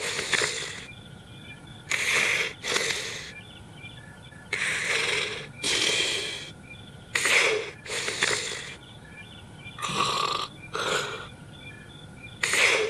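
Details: Sleeping subject in bed with irregular, hissing, snorting breaths in and out, about 23 a minute, over outdoor background noise; noisy snoring during sleep.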